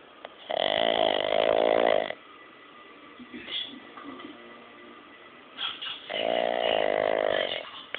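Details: Boston Terrier (short-nosed dog) snoring very loudly while asleep: loud, rough, fluttering snores on each long breath, with quieter breathing between.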